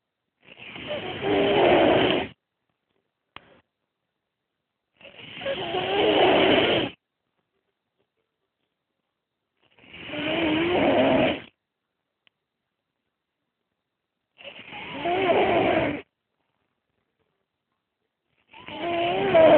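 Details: Male snoring unusually while napping: rough, rasping snores at about 13 breaths a minute, each fluttering and grunting, separated by silence.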